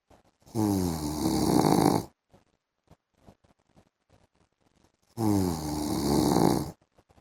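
Two loud, vibrating snores about four seconds apart, near 13 breaths a minute, with silence between: heavy snoring during sleep.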